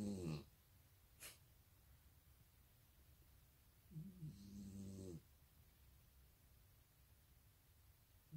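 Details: Female dog asleep on a pillow, snoring loudly: two loud rumbling breath noises separated by quiet room noise, with a brief sharp sound between them; snoring.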